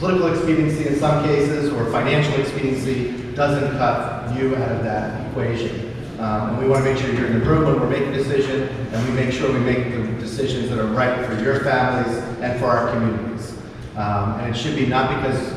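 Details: Adult male speaker; Normal voice.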